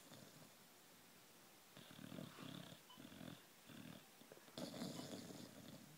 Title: Snoring, twitching, hilarious boxer dog